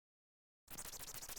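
Rapid, regular whooshing pulses, about 500 a minute, after a brief silence: the Doppler sound of normal mitral valve inflow in a mouse heart.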